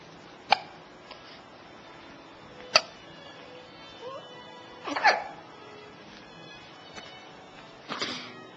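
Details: Baby hiccupping: sharp, abrupt gulping clicks recur every couple of seconds, with a louder burst near the end, faint music behind; hiccups.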